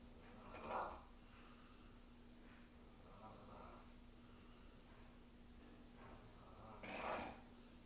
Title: The snoring roommate part two